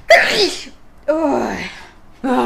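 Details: Sneeze.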